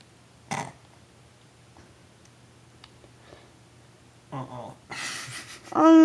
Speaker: Oh boy, I keep like a backwards burp. It tastes like pizza.